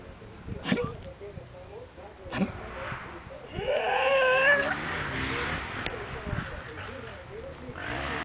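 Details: A cat with a harsh, racking cough: two short bursts, then a longer wheezy hacking spell, with faint room noise behind.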